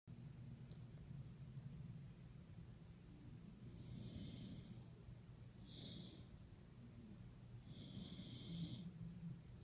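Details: Ruby snoring while sleeping: soft snoring breaths under steady background hiss, with faint high whistling on some breaths.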